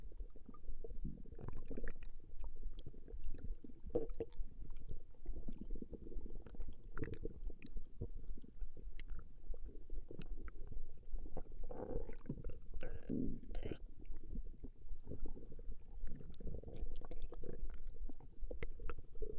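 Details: Stomach growling recorded from a woman over a 20-minute session: continuous low rumbling with frequent irregular gurgles and squishy bubbling; borborygmi.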